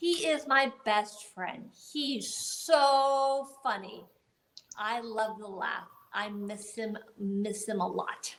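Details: Aphasia in an adult woman about 10 years after a gunshot wound to the head in the Tucson shooting, which also left paralysis; conversational speech.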